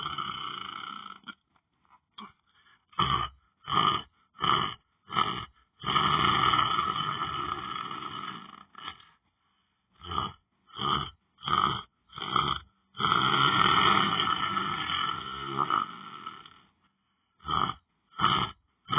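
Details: Person lying on the floor asleep: choppy, grunting breath noises in short bursts and some longer rumbles, with silent gaps; irregular snoring-like sounds.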